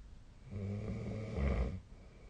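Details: Adult sleep snoring recorded with a snore-tracking app: a single loud, low, rattling snore lasting over a second, with throat fluttering during the breath.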